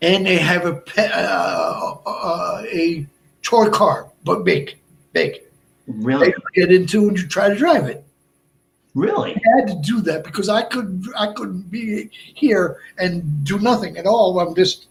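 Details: Adult man with Broca's aphasia more than 8 years after a stroke: short, effortful utterances with laborious word finding, more trouble with verbs than nouns, and relatively good comprehension; Broca's aphasia.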